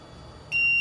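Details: LTV ventilator: quiet room noise, then a steady high-pitched electronic alarm tone starts halfway through as the ventilator is switched off.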